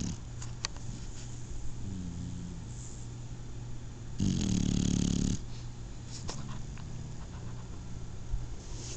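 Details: Snoring from a sleeping Shar-Pei puppy: low rumbling snore with a louder snorting breath midway, over steady low room hum.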